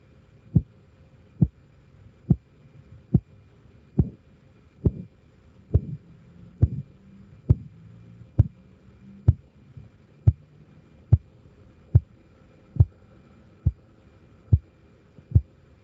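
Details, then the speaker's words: Sharp regular taps at about 70 a minute through a stethoscope during cuff deflation in a first aid class; first sound heard around 140, with systolic read as about 130–135; Korotkoff sounds. "Dónde A ver dónde lo escucharon lo escuché en 120 140 inicio en 140 del 140 hacia acá Aquí se escuchó el Prim 140"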